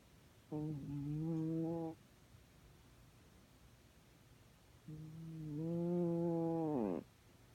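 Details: Two long, humming, tonal snoring breaths a few seconds apart, the second ending in a falling squeak; musical snoring.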